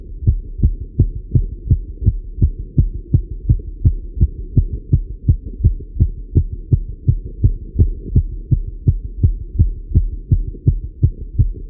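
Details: Male heartbeat recorded while riding a bike: rapid, regular low heartbeats at about 165 a minute, a fast but normal rhythm from exercise.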